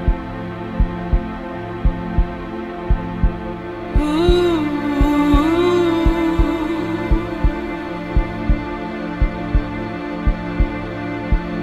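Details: Heartbeat sound effect within an epic music mix, not from a patient: regular double-thump at about 57 beats a minute under loud sustained orchestral music; heartbeat.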